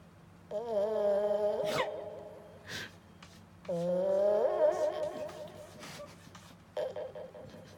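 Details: Two drawn-out, tonal, whistling snores, each about a second and a half, from a sleeping 10-year-old male cat who snores loudly every time he sleeps, over quiet room noise; snoring.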